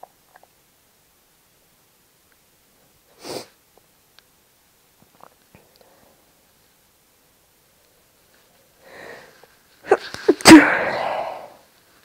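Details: Induced sneezing in a person with no allergies or hay fever: mostly quiet, then a sharp inhaled build-up and one loud explosive sneeze near the end.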